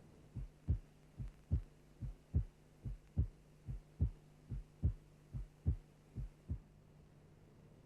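Regular paired heart sounds at about 72 beats a minute from a simulator, over a steady low hum. The first sound is lower pitched and longer and marks the onset of the pulse; the second is briefer and higher. This is the normal two-sound heartbeat.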